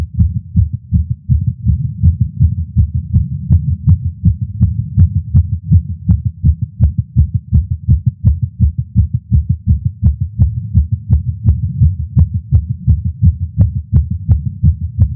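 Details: Male's heartbeat via Stemoscope stethoscope while smoking a cigar after a long break, feeling lightheaded: fast, regular low thumps at roughly 160 a minute; tachycardia after nicotine.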